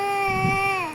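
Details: A single sustained, steady-pitched cry from a baby; ordinary fussing cry.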